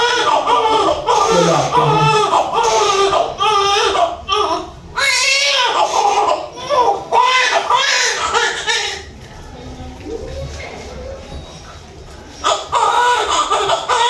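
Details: Repeated loud, vigorous crying bursts from a newborn just after normal vaginal delivery, a normal strong cry; adult voices nearby.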